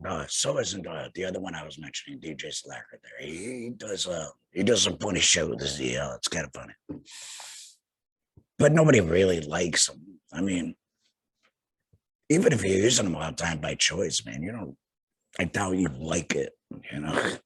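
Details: Laryngectomee speaking with a tracheoesophageal puncture (TEP) voice prosthesis; tracheoesophageal speech after laryngectomy.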